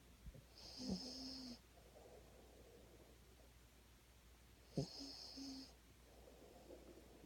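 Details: Two noisy breaths about four seconds apart, each with a rattling, whistling snore on the inhale, over quiet room noise; snoring.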